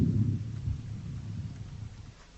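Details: Symmetric normal vesicular breath sounds heard through a stethoscope on the back along the scapular line, 7th–9th intercostal spaces, right and left.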